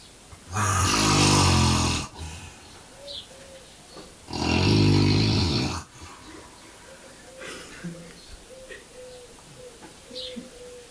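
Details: Overweight male, said to snore until he vomits: two loud, long, rough rattling snores about four seconds apart, with quiet room noise between them; heavy snoring.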